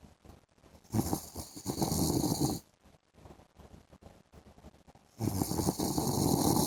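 Two long, loud, rattling snores on inhaling, separated by a quieter stretch of breathing. Ordinary snoring during sleep.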